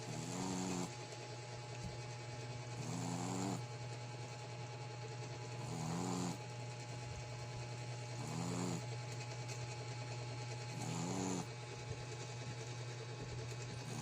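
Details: Black Shih Tzu x American Pekingese dog: regular buzzing snores about every two and a half seconds, roughly 22 a minute, over a steady low background hum; snoring.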